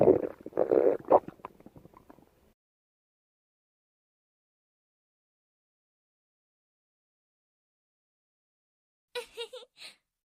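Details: Stomach rumbling heard by listening to the belly of a person who says she is sick: bowel sounds (borborygmi).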